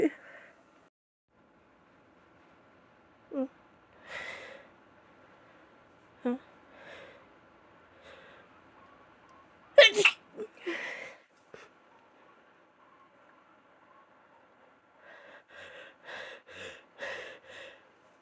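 Several sneezes with gasping in-breaths and sniffles, the last a quick run of stifled sneezes, fitting congested sneezing with a cold.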